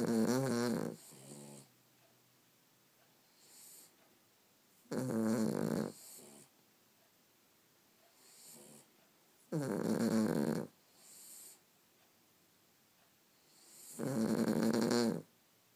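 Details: Sleeping Cavalier King Charles Spaniel snoring: loud rattling snores on each in-breath with softer out-breaths, about 13 a minute.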